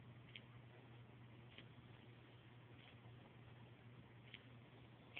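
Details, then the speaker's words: Person's own knee making faint, sharp clicks about every second when lifting the leg; painful, feels weird to touch, noticed last week, sounds like bones snapping; knee crepitus. "it hurts too i don't know what that is but last week i noticed it and it feels weird too when i touch it when it makes that sound ooh like right in here"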